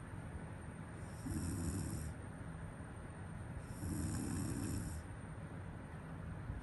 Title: snore Zzz 😴